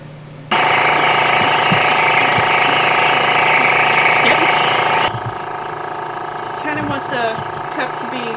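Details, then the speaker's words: Home nebulizer for a pet rabbit with pasteurella infection, gentamicin in saline via child-size mask: loud steady mechanical buzz of the compressor switching on and running, misting the medicine cup; quieter room sounds follow. "through this tube is where the nebulizer when I turn it on the compressor will blow air into it and then this medicine cup is where the sailing will be and then that's how the air will make it Mist through here"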